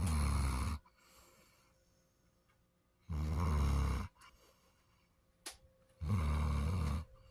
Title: Snoring Daisy